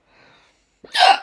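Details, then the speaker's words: Adult woman with persistent aggressive hiccups for about 10 minutes, possibly after inhaling a small lemon cake, likened to a squealing pig: faint breath, then a single sharp, high, squeaky hiccup. "what even our hiccups weird aren't they"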